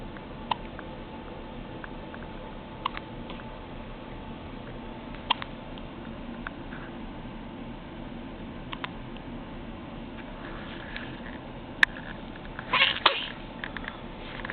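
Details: Newborn, soft regular hiccups, about five faint clicks roughly every 2.5 to 3 seconds over steady room hiss; hiccups.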